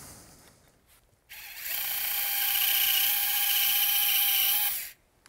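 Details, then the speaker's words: High, steady electric whine of a surgical lug drill boring into tibial bone for a size 2 tibial component during a right partial knee replacement; hard bone can lift the guide, and a pitch change signals full depth. "Sometimes with hard bone, it will lift off. You can hear a pitch change there. You know you're down."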